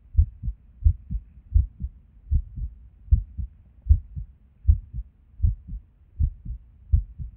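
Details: Resting heartbeat recorded while sitting at a desk, often skippy with and without reason. Low paired thumps, roughly 75 a minute, with uneven spacing between beats; irregular heartbeat with skipped beats.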